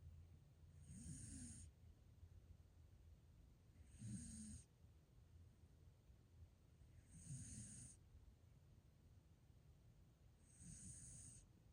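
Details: Sleeping snorer: four soft, low rumbling snores, about 19 a minute, each with a faint hissy edge, over steady background hum; ordinary snoring.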